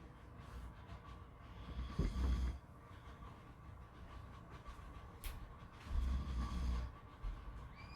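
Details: Two deep, low rumbling snores about four seconds apart over steady background noise, possibly at a beach; ordinary snoring.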